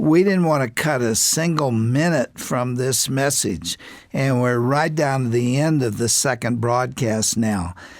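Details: Adult male broadcaster; Normal speech.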